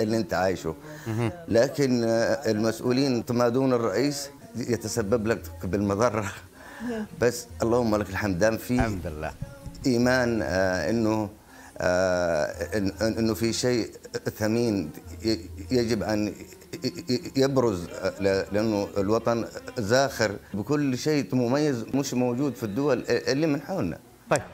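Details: Stuttering in a male Saudi singer whose stutter persists in speech but disappears when he plays the oud and sings; word repetitions audible in his speech.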